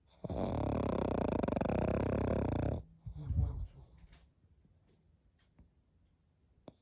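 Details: A pug sleeping: one long, loud, rattling snore, then a snort and quiet breathing; flat-faced dog snoring.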